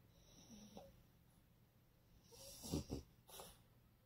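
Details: French bulldog snoring, said to breathe better immediately after a small amount of Vicks VapoRub is rubbed above the nose: quiet nasal snorting snores with a couple of louder rattling breaths while asleep.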